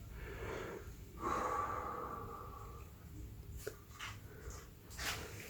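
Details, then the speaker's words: Deep inhalation on an incentive spirometer during a lung-exercise demonstration, aiming for 3000, bobbin floating near five liters: long, slow, steady inward breath through the mouthpiece with a soft whistling tone. "okay we can see the bobbin floating up here so that's that's a five liter i'm sure a breath that's a five liter inspiratory uh drive"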